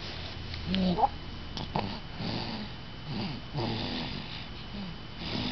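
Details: Sleeping pet with rough, rattling snoring breaths recurring about every second, faint room noise; snoring.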